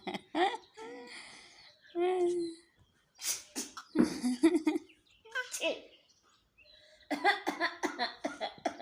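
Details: Young child (Ivaan) with a few short cough-like bursts mixed with babbling and laughter, in a clip about his funny reaction to a sneeze; a simple cough.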